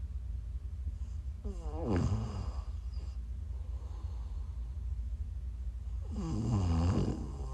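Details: Live-streamed sleep recording of a sleeper who is sick: two rough, rattling inward snores about five seconds apart, with quiet breathing between; snoring during sleep.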